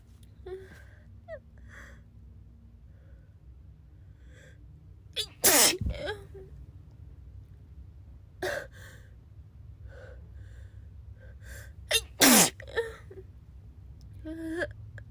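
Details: Sick person sneezing: two forceful sneezes, each after a quick indrawn breath, with faint sniffs and breathing between.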